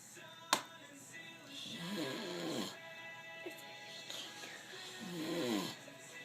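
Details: A sleeping person snores with two rattling, rasping breaths about three seconds apart, over background music and a sharp knock.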